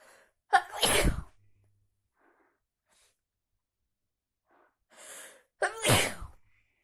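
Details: Sneezing in a person sick with a heavy cold, worsened after the heating broke: two loud, explosive sneezes, each preceded by a sharp intake of breath, in a quiet room.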